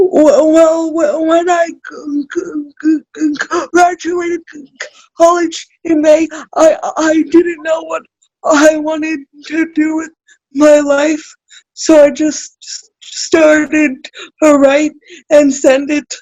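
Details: Adult woman with cerebral palsy, self-described as spastic, in real conversation; dysarthria (cerebral palsy).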